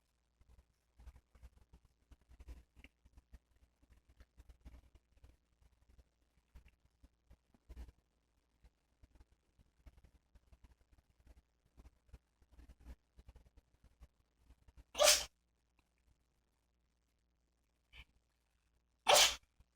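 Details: 13-year-old senile cat in a sneezing fit: quiet room with faint rustling, then two sharp, hissing sneezes about four seconds apart with a small snort between; sneezing.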